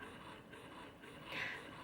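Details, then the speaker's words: Medela Pump In Style Advanced electric breast pump running in stimulation mode: soft rhythmic mechanical whirring and suction pulses. "and then what you do is you turn on the stimulation notch sounds like that"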